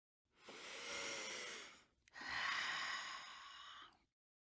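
Two long, forceful breathy snorts or heavy exhalations, one after another, from a cartoon soundtrack.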